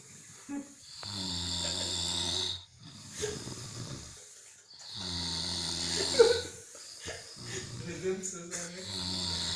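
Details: Group of sleeping people snoring in rhythm: loud, rough, buzzing breaths in slow repeated cycles, several snorers overlapping; snoring.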